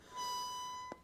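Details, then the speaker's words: Respiratory therapist's metered-dose inhaler trainer: a steady, high, harmonica-like reed whistle during inhalation, signalling the breath is drawn in too fast; slow inhalation produces no whistle. Demonstration of proper inhaler technique with a spacer. "You hear harmonica sound, you should not hear the harmonica sound. And so that is one of the keys of these medications. It's actually built inside of this MDI because it's a trainer."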